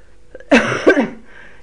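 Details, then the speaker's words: Two harsh explosive coughs in a quiet room from an adult with an ongoing troublesome cough who can't take cough mixture because of stomach bleeding. "I don't want to hear my coughing any I'll try and suppress that but I can't take cough mixture at the moment because it's not good for the bleeding on my stomach"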